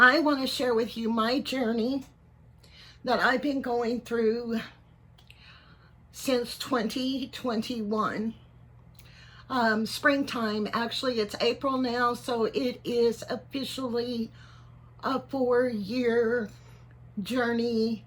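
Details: 55-year-old man, neurologist unsure if Parkinson's disease, cervical dystonia or both; tremor in voice, head and hands since about January 2024, worsening; on carbidopa-levodopa and neck Botox injections; finding: voice tremor.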